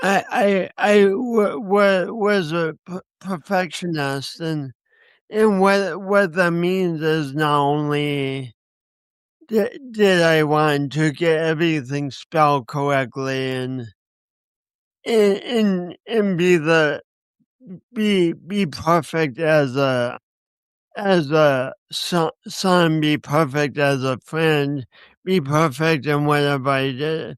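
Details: Speech impediment (dysarthria) in a 50-year-old man, lifelong and linked by him to a birth injury, with accompanying coordination issues; he describes it as a disability.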